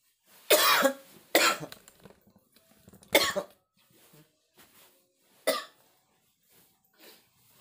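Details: Cough in an adult man unwell with a chill, aches and a cold during rainy weather, at dawn during kerokan skin scraping by his wife: four harsh, loose coughs spaced over several seconds with quiet breaths between.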